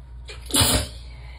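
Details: Adult in a warm tub, sleepy and relaxed, sneezing uncovered during a sneezing fit: one loud, loose sneeze with a sharp burst of air after a brief intake.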